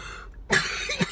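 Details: Single harsh, loose-sounding cough burst, then a short vocal sound, in a quiet car, from a patient with cystic fibrosis who also has diabetes, recorded on the way to clinic appointments.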